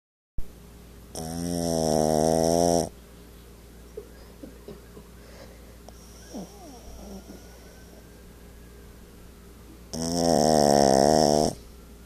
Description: My 8lbs Yorkie snores like a grown man